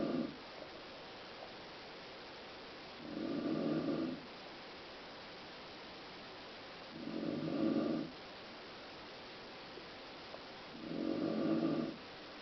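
Regular rumbling snores on each breath in, about 16 breaths a minute, with quiet pauses between and steady background hiss.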